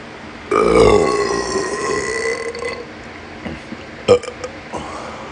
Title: Excessive Burping Video ORIGINAL